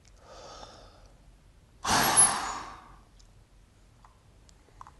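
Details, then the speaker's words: Peak flow test demo from a medical school teaching video: patient standing upright with a tight lip seal on the peak flow meter, brief inhalation, then one sharp, maximal forced exhalation lasting about a second and fading quickly. "the peak flow reading should be taken either standing or sitting up straight to ensure good expiratory effort"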